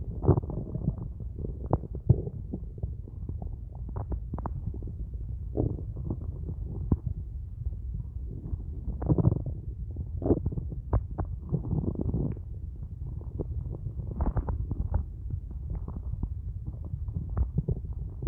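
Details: Hunger borborygmi at the end of the day after only a large cup of coffee all day: loud, continuous low gurgling and rumbling from an empty stomach.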